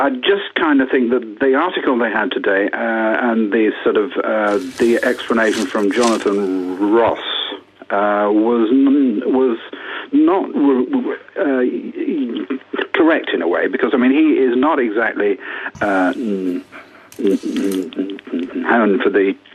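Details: Woman who reports having stammered for 60 years, speaking on a radio phone-in; stammering.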